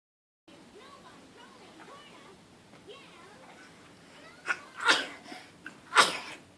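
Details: Soft child chatter, then several sharp, explosive sneezes, the last the loudest: a bout of sneezing.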